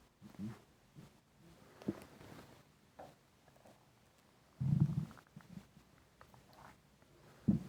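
Quiet gurgling and low rumbling from the belly, with one louder growl, typical of an empty, hungry stomach.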